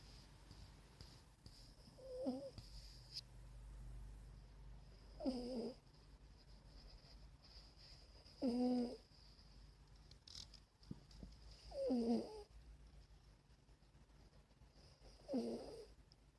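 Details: Short, squeaky, whistling snores during sleep, about every three seconds (roughly 18 a minute), over low room hum.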